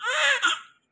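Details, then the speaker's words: Newborn baby delivered by C-section, crying continuously at night: a single short, high-pitched wailing cry trailing off at the end; an ordinary newborn cry. "Night T है साब रोए जा रहे continue रो जा रहे चुप ही नहीं हो रहे पता नहीं कहां से रोता इतना आया भाई कितना रोते हो"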